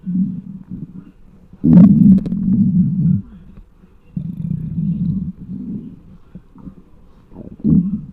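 Loud, prolonged low gurgling and rumbling from the abdomen in irregular bursts: hunger bowel sounds, a normal finding.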